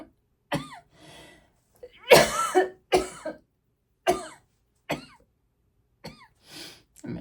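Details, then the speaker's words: About seven short, dry coughs and throat clears in quick bursts from an adult with asthma, worsened by an allergen in the room; asthmatic coughing. "sorry for those coughs, guys. Not my intention. But when is it someone's intention to cough?"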